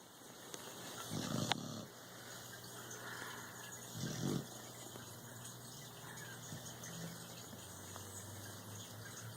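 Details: Two soft low snorting snores a few seconds apart over room noise from a sleeping Rottweiler puppy; ordinary sleep snoring.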